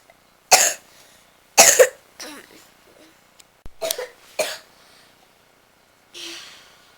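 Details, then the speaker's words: Young girl's dry cough at night, unable to sleep: series of short, sharp, dry coughs in a quiet room, without wet rattling. "hier soir , ma fille avait une toux sèche et était incapable de dormir pendant les heures de la nuit."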